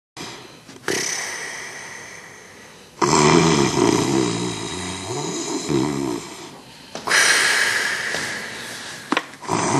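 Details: Sleeping wife gives loud, rough, rattling snores on breathing in, with quieter breaths between, in a small room; ordinary heavy snoring.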